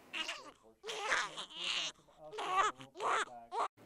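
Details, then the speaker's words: Infant with laryngomalacia (floppy voice box), endoscopic view of the larynx flopping in, with noisy, high-pitched crowing inspiratory stridor at about 41 breaths a minute. "here is another example look at how everything flops in and note the Strider"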